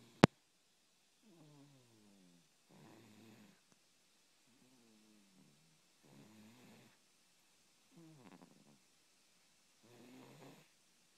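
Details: Sleeping cat snoring: soft, rhythmic snores alternating a whistly, humming tone and a rougher rattle with each breath.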